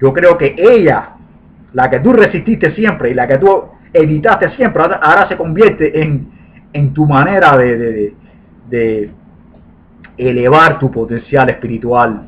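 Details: 40-year-old man with lifelong stuttering since birth, which he considers genetically inherited, and who says he used to block when speaking; stuttering.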